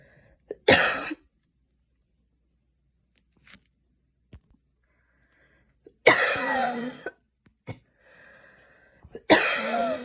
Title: post run cough - i was running for like 5mins and then it started to rain